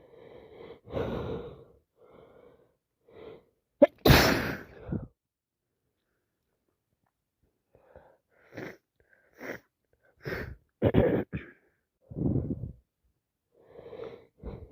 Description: had 3 colds in row which all been snezzy its now turned into sinusitis so full of it just sneezing and sneezing and blowing